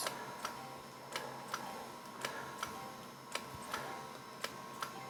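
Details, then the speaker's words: Sharp regular clicks, about one a second, over a faint hum: a Potenza radiofrequency microneedling handpiece pulsing on the forehead during the first pass, with reduced needle depth for the thinner skin and about 500 pulses per full face pass. "As you can see, there's very little overlap, and with each full face pass, we're aiming for about 500 pulses."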